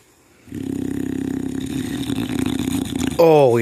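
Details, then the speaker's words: A young dog with baby teeth, awake and lying on her back, makes a sustained, buzzing, vibrating snore-like breath followed by a brief whine; the owner wonders if it is hard to breathe on her back; snoring. "okay you're snoring while you're awake oh is it hard to breathe on your back hard to breathe"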